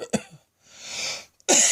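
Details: Adult's prolonged midday coughing fit, self-described as nearly coughing up a lung and sounding like a heavy smoker: two forceful coughs separated by a hissing indrawn breath within a sustained fit.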